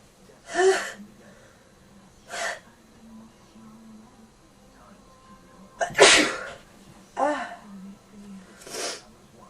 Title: In bed cold sneezing